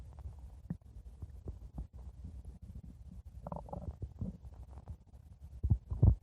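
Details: Stomach growling: irregular low gurgles and rumbles with louder bubbling bursts toward the end; borborygmi.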